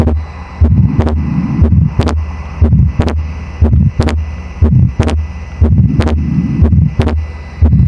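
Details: Simulator, about 60 beats a minute: S1, a small crescendo-decrescendo midsystolic murmur, then S2 doubled into two close aortic and pulmonary clicks, split equally in inspiration and expiration.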